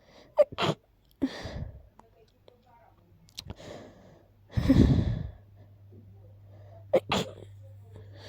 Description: I'm a little sick these days, so of course the sneezes come along 😅 / very stuffy..